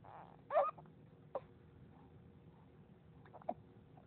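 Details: A 3-4-month-old baby girl makes three brief, abrupt squeaky catches in a quiet room, about one every second or two; infant hiccups.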